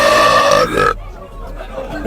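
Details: Ranked compilation burp: a loud, sustained, tonal belch lasting under a second, followed by background chatter.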